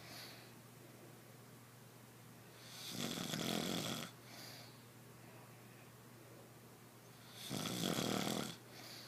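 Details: Sleeping partner with loud, rasping snores on each in-breath about every 4.5 seconds in a quiet room, who denies snoring; snoring.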